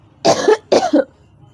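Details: Adult woman unwell since the day before with a cold, fever and cough, coughing through the night; she blames eating too much curd, and medicine has not helped: two coughs in quick succession, each a short double burst.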